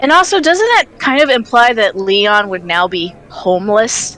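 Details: Adult speaker; ordinary speech.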